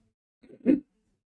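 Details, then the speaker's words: Adult imitating inspiratory stridor of an infant with laryngomalacia (omega-shaped epiglottis, distress worse supine, better prone): a single harsh, low-pitched inspiratory noise. "Strider is a low pitch sound and this and that so yeah so the patient will have Strider like a what is Strider like this like this"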